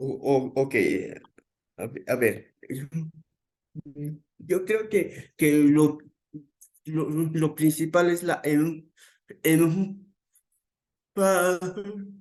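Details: Adult male psychologist who stutters, onset around age 7, more noticeable from age 11, reporting his stuttering as uncontrolled on the day; repetitions in speech; stuttering.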